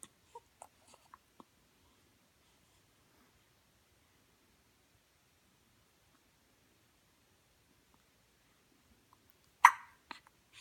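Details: Dog with hiccups: brief, soft, regularly spaced catches, about five in a quick run, then a louder one; canine hiccups.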